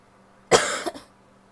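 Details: Female coughing, some coughs wet, most barky; barky cough.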